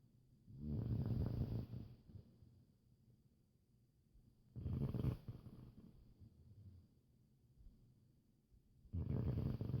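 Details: A sleeping dog snores in three low, rattling bursts, roughly fourteen a minute, with quiet breathing between them; snoring.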